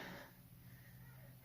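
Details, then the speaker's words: A quiet, low, rough snoring breath from a young daughter napping in her room since 10 a.m.; soft snoring. "on l'entend ronfler TR comme ça"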